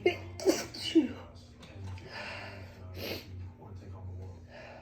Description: A few allergy sneezes